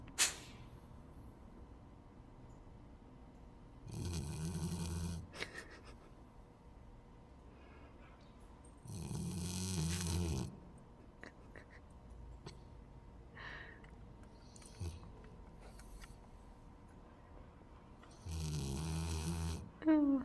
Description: Hunter the black lab snoring away during his afternoon snooze at DogPlay Dog Daycare in Vancouver.